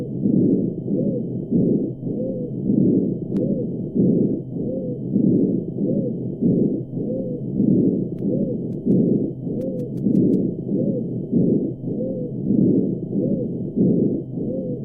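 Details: Dog with abnormal respiratory sounds: loud, harsh breathing at about 25 breaths per minute with a squeaky whistle at the end of each breath.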